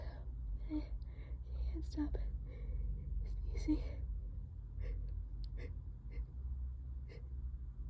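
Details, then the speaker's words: Allergic sneezing bout triggered by cleaning the trap: several short, wet sneezes with quiet talking and a steady low hum in the background. "Oh, that was so loud. This always happens whenever whenever I clean the trap. It makes me so sneezy."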